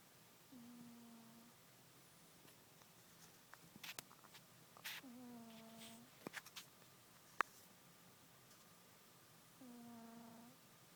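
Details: Male cat napping after a Thanksgiving turkey feast: three soft, even-pitched humming snores about every four to five seconds, with faint rustles and clicks between.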